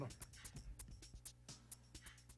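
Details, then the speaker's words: Dog cough that started suddenly last week in a dog not recently kenneled or around other dogs; kennel cough or reverse sneeze questioned: a rapid run of short, harsh coughs like a train, pausing then returning. "Oh yeah, he's coughing. Oh, like a train. Sounds like yeah."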